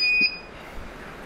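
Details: K3 non-contact infrared forehead thermometer running on battery gives a single short high beep for a normal skin reading of 36.4 °C, with heavy rain in the background; thermometer reading beep.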